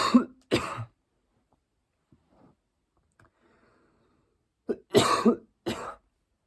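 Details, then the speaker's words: Two short coughs, a quiet pause, then throat clearing and two more coughs from an adult man speaking on a podcast; an ordinary cough. "I don't want to be choking on my words and saying something I shouldn't so I'm praying through it real quick see why I coughed up like that"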